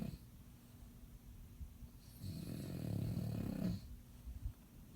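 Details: Bulldog snoring while asleep, worn out after a long day: a low, fluttering snort on one long breath over quiet background breathing.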